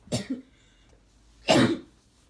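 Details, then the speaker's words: Adult with a persistent cough since October and chest pain, on prescribed medication and allergy meds, worse again: a short double cough, then a single harsher burst. "yeah like people are freaking out and I'm coughing a lot and it's like I'm frustrated my chest hurts"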